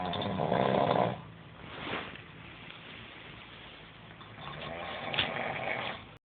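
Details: Loud rattling snores on breathing in, with quieter breathing between, from a man who claims he doesn't snore; snoring during sleep.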